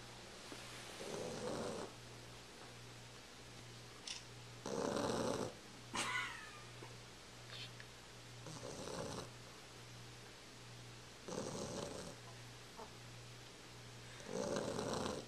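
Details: Snoring during sleep, recorded with a Flip Video camcorder: repeated rough, rattling breaths, about four in fifteen seconds, over a steady low hum; snoring.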